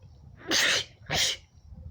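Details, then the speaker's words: Woman with allergies, with itchy red eyes and an itchy throat, gives two loud sneezes in quick succession; allergic sneezing during a sneezing fit. "Sometimes if I elongate and build up, the sneeze will go away. The sneeze will go away, the itch won't."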